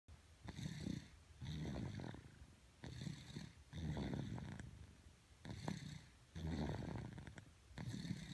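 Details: Low, rough, rumbling snores on each breath, about 25 a minute, somewhat uneven, with a purring quality; snoring.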